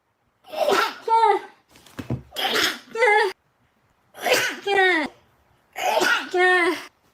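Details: A Japanese girl in a bout of suppressed sneezing: four voiced, muffled bursts in quick succession, each after a sharp in-breath.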